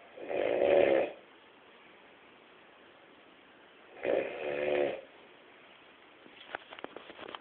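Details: Two loud, rough snoring breaths about three seconds apart in a quiet room from a sleeping person; ordinary snoring.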